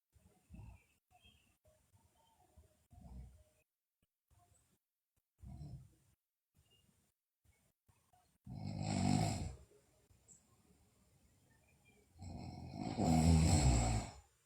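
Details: Sleeping girl, also noted to have bruxism and sleep-talking: quiet irregular breathing, then two loud, rough, rattling snores about four seconds apart.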